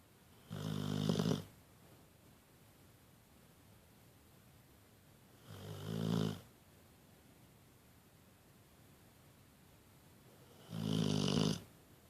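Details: Pitbull dog napping and snoring: three loud, rumbling snores spaced several seconds apart, quiet between, about six breaths a minute; ordinary snoring in sleep.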